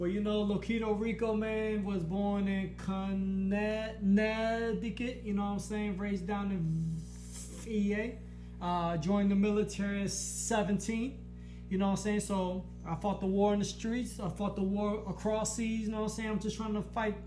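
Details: Man with a stutter since growing up, much worsened after a blast-wave brain injury during military deployment, now with physical reactions (eyes rolling back, body moving back) when stuttering; he does not stutter when rapping; finding: stuttering.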